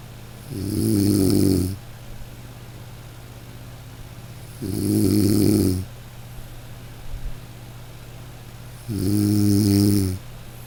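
Steady, even snores on each breath in, about 15 a minute, over a constant low hum of room noise.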